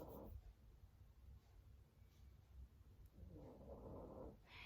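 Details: Pet snoring in the background while its owner talks: quiet, low rasping snores, two breaths about three seconds apart over faint room noise; ordinary snoring.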